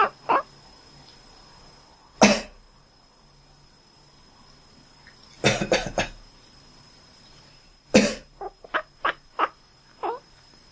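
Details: Adult cough, about five sharp coughs, one alone and then a short cluster, each followed by brief chirping, quack-like calls from a cat.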